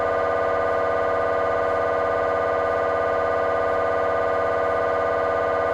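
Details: Temporal bone (Felsenbein) MRI on a GE 3T scanner, coronal T1 fast spin echo sequence: loud, steady rapid buzzing tone; normal MRI scanner operating noise.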